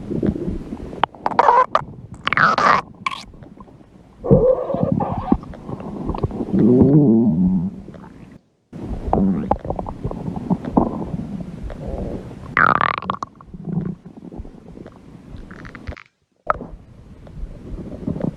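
Bubbling, gurgling growls with squeaky rises and a long rumbling stretch; ordinary digestive stomach growling.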